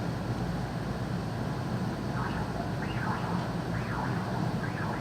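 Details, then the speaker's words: Normal pulsed-wave Doppler through the mitral valve on echocardiography: steady hissing whoosh with soft rising-and-falling swishes repeating regularly, the normal sound of mitral inflow. "este es un doble expulsado a través de la válvula mitral"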